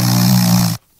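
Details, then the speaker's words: A man's snoring recorded by his wife while he slept: a steady, low, rattling buzz of a single snore under a second, then cut off abruptly; ordinary snoring. "you did this last week he recorded you snoring esther did you know that yeah i know how highly inappropriate just do it all right if you want to hear it i'll play it"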